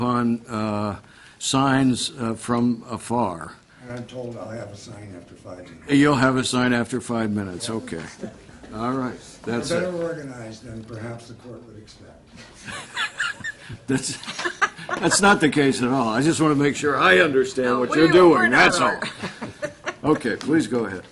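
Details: Adult man speaking in a room; normal adult speech.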